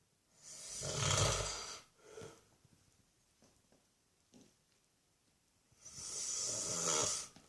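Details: Harsh, hissing, rasping snores on long drawn breaths with soft breathing between; an old man snoring asleep on Christmas Day.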